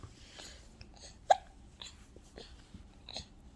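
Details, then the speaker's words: Baby boy who just woke up: one short, sharp hiccup in a quiet room with soft breathing and faint adult talk; hiccup. "what are you doing you got the hiccup you do have hiccups oh no hiccup"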